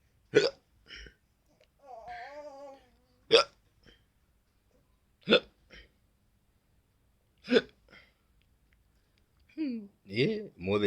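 Four sharp, abrupt hiccups about every two seconds, with brief voicing and laughter between; ordinary hiccups.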